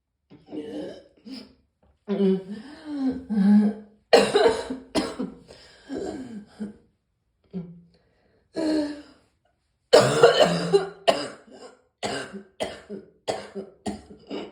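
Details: Repeated coughs and throat clearing in bursts over about fifteen seconds, some harsh and wet-sounding, with short pauses; morning coughing bout.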